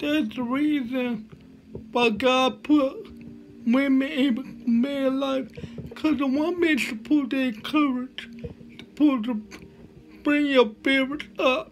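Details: Dysarthria from cerebral palsy in a male motivational speaker.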